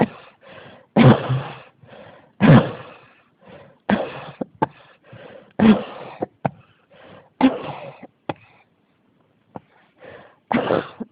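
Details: Persistent cough that will not stop: repeated forceful coughs, about six strong bursts in eleven seconds, with softer coughs and breaths between.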